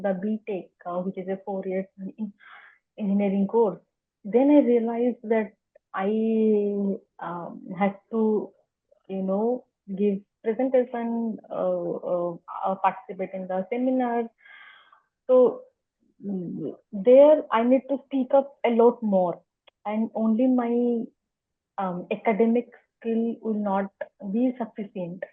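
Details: Adult woman who has stammered for as long as she can remember, unsure whether it was present from the start or began around age 3–4, speaking spontaneously in an interview; stuttering.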